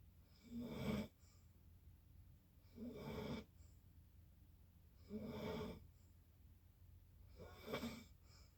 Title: Snoring again